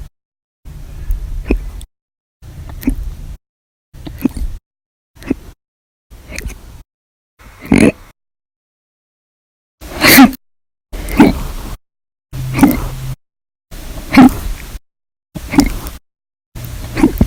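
Short, abrupt gulping bursts separated by silences, about a dozen across the stretch, some louder and sharper. Repeated hiccups.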